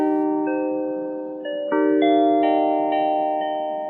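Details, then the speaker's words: Widex Zen fractal-tone tinnitus therapy sound from a hearing aid program: chiming, melodic tones chosen from Zen options such as Aqua, Coral, Green, Lavender and Sand. "यह उन विभिन्न Zen उपचारों का खुलासा करता है जिन्हें आप चुन सकते हैं।"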